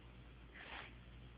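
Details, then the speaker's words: Child at the doctor's with a cough gives a deliberately fake cough imitating her real one: a single soft, breathy puff in a quiet room. "That's a fake cough, but it's almost what it sounds like."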